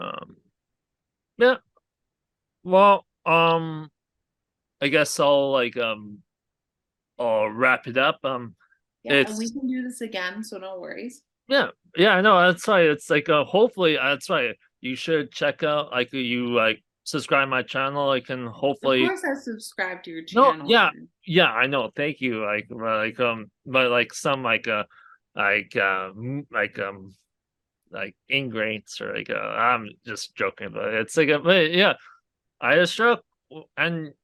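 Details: Aphasia in an adult man, a real stroke survivor, caused by a hemorrhagic stroke from an arteriovenous malformation at age 20; a guest says his speech has improved greatly over the past three years.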